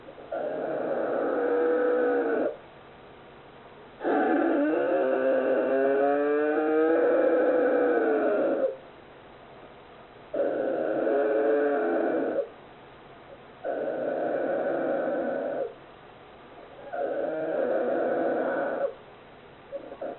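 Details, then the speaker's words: A 41-day-old polar bear cub, born December 26, 2020, snores loudly while sleeping calmly, with rhythmic, whistling, moan-like sounds about fifteen times a minute. "also it happened I wonder if this is the sound of snoring."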